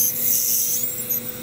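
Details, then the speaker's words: High-pitched hiss and rasp of an ultrasonic scaler cooled by water, removing tartar below the gum line and cleaning the sulcus pockets in an anesthetized dog with stage one periodontal disease on x-rays, during a professional dental cleaning. "but I'm going to take away all of the tartar from underneath the gum line with this ultrasonic scaler"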